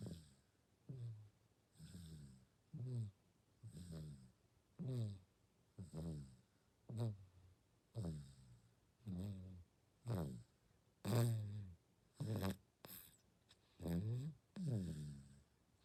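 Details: A sleeping 6-month-old baby, on day 194, gives soft, regular low rattling snores with each breath, about 58 a minute; infant snoring.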